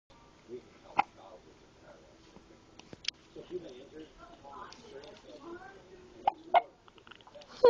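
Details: Hiccups: sudden, sharp catching sounds from diaphragm spasms, recurring at intervals between quiet talk.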